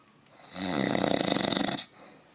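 A single loud, rattling snore on an inward breath, about one and a half seconds long, with a coarse fluttering quality.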